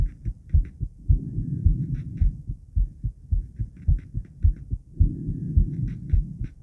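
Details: Female heartbeat at rest before exercise, recorded by the woman herself alongside blood pressure: steady, regular lub-dub at about 107 beats a minute, a little fast, with low rumbling noise between beats.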